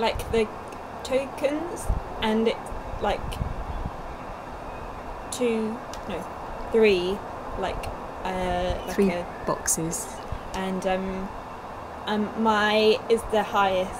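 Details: Young woman, two years after a stroke at age 18, with Broca's aphasia affecting speech, reading and writing; Broca's aphasia (non-fluent speech).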